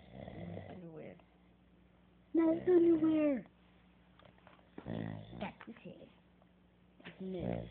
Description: Here is my dad snoring AGAIN!